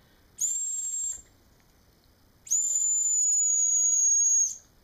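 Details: Remington R1574 adjustable silent dog whistle set in the human-audible range, used to test a dog's high-frequency hearing: two shrill, steady high-pitched blasts with an airy hiss.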